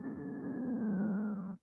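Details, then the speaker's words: A person's own stomach growling while talking: a drawn-out, low gurgling rumble of about one and a half seconds, normal stomach growling (borborygmi). "And if you could hear that noise, that's my stomach."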